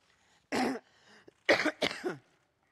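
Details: A woman in a coughing fit while giving a speech: three harsh coughs in quick succession.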